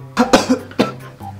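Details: Staged comedy sketch blooper about types of sneezers: three short, harsh bursts in quick succession, an acted cough or throat clearing.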